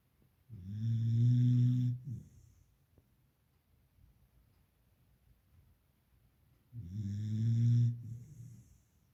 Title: Puppy Snoring loudly || Dog Sleep || Deep Sleep #puppy #snoring #deepsleep #beaglepuppy #weekend